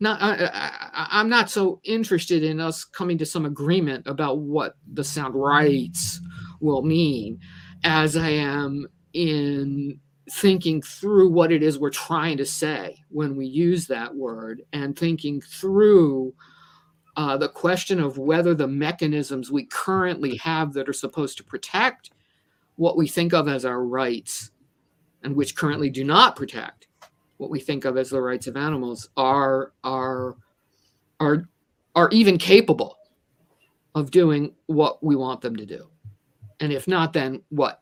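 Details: Stuttering in a woman who says she stutters and considers herself a person with a disability; this stretch has repeated words.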